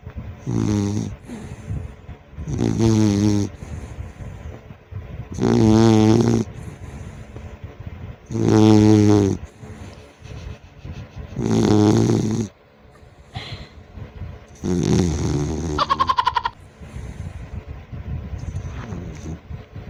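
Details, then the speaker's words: Sleeping pet dog, about 6 months old, snoring at home: loud, regular rumbling snores about 20 a minute, with a faint whistle at times; ordinary snoring. "so Ayun nga napakinggan niyo na naman kung paano humilik yung aso ko akala mo pagod na pagod"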